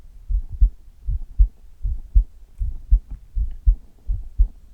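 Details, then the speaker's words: Chest heartbeat recorded for ASMR with a nipple guard on: steady, paired low thumps at about 80 beats a minute, a normal heartbeat. "今日は胸を中心とした心音を皆さんにお届けしたいと思います。"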